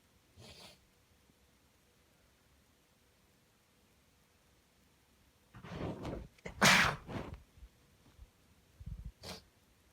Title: cold sneezes in a tissue and final nose blow (M)